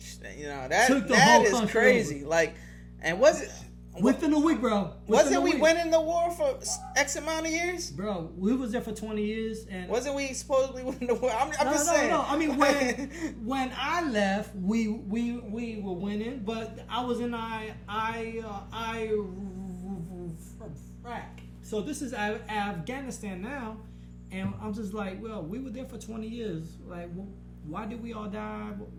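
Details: Man with a stutter since growing up, much worsened after a blast-wave brain injury during military deployment; he stutters in conversation but not when rapping; finding: stuttering.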